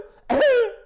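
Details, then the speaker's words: Young child with acute laryngitis (croup) gives one short, harsh, tonal barking cough like a seal or an excited dog. It typically worsens at night with breathing difficulty and a hoarse voice. Croup barking cough. "그런 물개 소리 같기도 하고 개가 막 흥분해서 짓는 소리 같기도 한 그런 이제 개짓는 기침을 하고 특징적인 소견이 낮에는 멀쩡해요"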